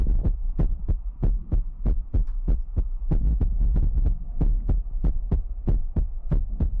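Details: ASMR recording with mouth sounds, ear picking, water drop bottle and heartbeat: deep, regular low thumps at about 95 a minute, a steady throb; heartbeat.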